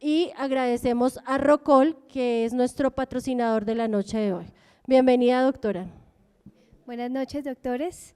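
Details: Adult woman speaking Spanish, possibly a second woman greeting; normal voice.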